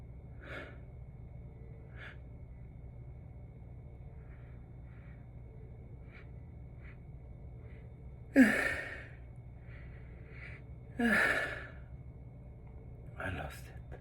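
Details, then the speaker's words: Pre-sneeze gasping in an adult with dry, dusty-air sneezing, with sneezes deliberately induced in a hotel room: several quick, sharp inward gasps and two louder catches of breath as a sneeze builds but has not yet come. "Gee. I'm gonna sneeze."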